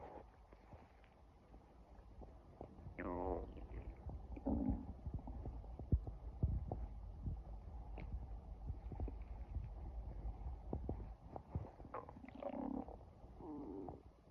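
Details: Person with an empty stomach, hungry: low stomach rumbling with scattered gurgles and squeaky rising growls. Ordinary hunger-related borborygmi.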